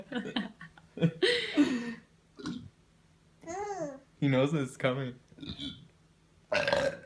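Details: Father burping: a few loud adult belches, with his baby laughing between them; ordinary burping.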